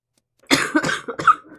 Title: Girl coughing 151